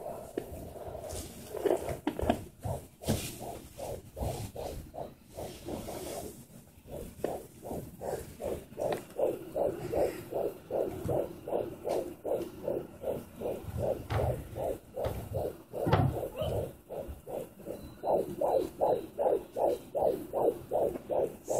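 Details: Fetal heartbeat at 16 weeks of pregnancy on a handheld Sonoline B fetal Doppler: rapid, regular whooshing at about 150 beats a minute, with occasional thumps of fetal movement.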